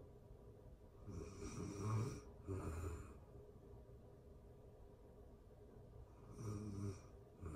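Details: Real-time recording of a sleeping adult: soft, low snores on each breath with quiet pauses between; snoring.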